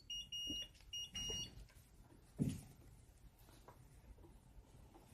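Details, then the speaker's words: Infusion pump alarm: two pairs of short high beeps in a quiet hospital room, 4 minutes after restarting obinutuzumab (Gazyva) at a reduced 10 mg/hour following an infusion reaction, first-day CLL treatment. "And so far, after 4 minutes, nothing is going on except for some beeping from the infusion pump."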